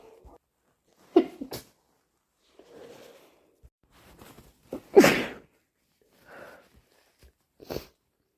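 Three sharp sneezes, each with a quick breath in first, plus softer nose-blowing sounds in a quiet room; sneezing from hay fever.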